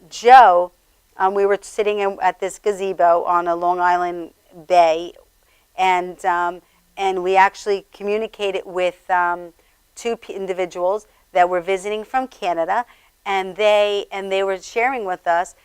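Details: Adult man with stammering that developed after a severe concussion from a fall, a brain injury compounded with other injuries; he says it was much worse several days earlier and is improving. Finding: acquired (neurogenic) stammering.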